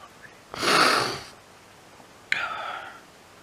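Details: Two sudden, airy bursts of expelled air a few seconds apart; sneezing.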